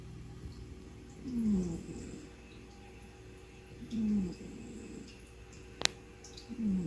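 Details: Snoring from a male cat asleep while resting at home, snoring like a human: soft, falling snores about every two to three seconds, with a faint room hum behind.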